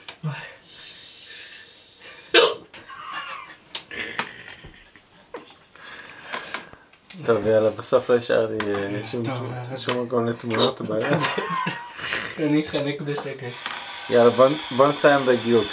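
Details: Friend unable to brush his teeth due to uncontrollable hiccups: repeated abrupt, jerky voiced catches between bits of talk and room noise.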